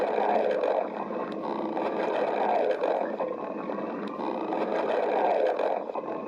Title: stomach growling 17